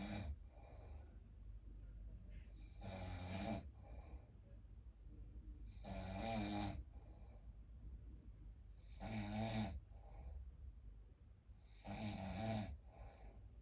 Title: Snoring 💤 😴😴😴